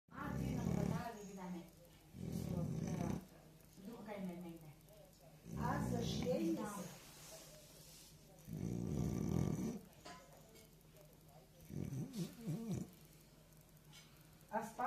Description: An English bulldog is moving his mouth while he is sleeping and dreaming about food .